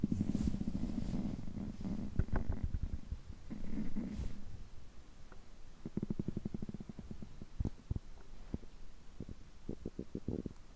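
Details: Stomach growling on a day of overeating, which lasts over three hours: low gurgling rumbles and rapid bubbling, popping runs from the belly. Active bowel sounds (borborygmi) during digestion.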